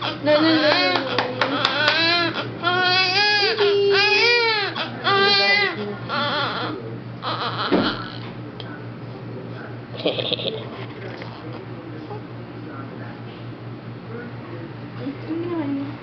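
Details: An infant with hiccups cries in repeated rising-and-falling wails, then settles into whimpers, with an adult's soft voice and a steady room hum behind; infant cry.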